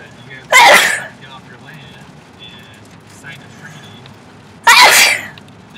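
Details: Child sneezing twice, face stretching: two sharp, forceful explosive bursts about four seconds apart, with faint voices between.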